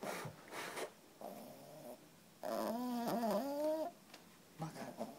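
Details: 3-month-old female French Bulldog puppy asleep after playing all day, snoring with short snorting breaths, a whining, squeaky snore and noisy nasal breathing.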